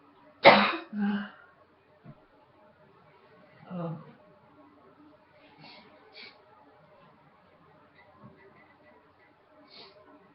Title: Coughing # 5